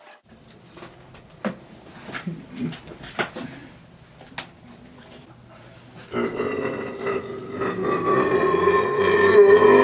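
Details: Burp: a long, loud, rough burp with a low rumbling voice, building in strength over several seconds, with room noise around it; burping.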